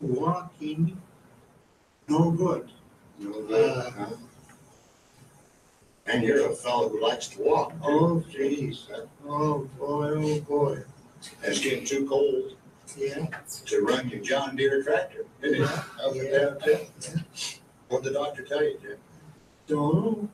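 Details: Man with Broca's aphasia in an older recorded interview, who knows the words but struggles and takes a long time to produce them, becoming frustrated; Broca's (nonfluent) aphasia.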